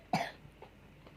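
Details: A single short, fairly loud cough from a young boy, then quiet room noise; afterwards he is given warm water and told not to drink cold drinks.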